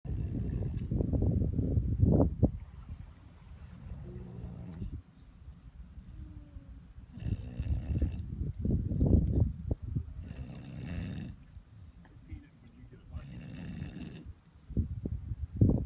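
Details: Snoring from Dozer: loud, coarse, fluttering rumbles in repeated breaths, separated by quieter stretches; heavy snoring.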